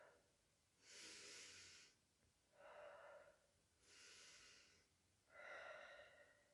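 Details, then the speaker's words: Adult woman breathing deeply through the mouth on request during posterior chest auscultation with arms crossed: slow, deep breaths with smooth airflow, no wheeze or crackles; normal deep mouth breathing. "por favor señorita mejía va a respirar profundamente y con la boca"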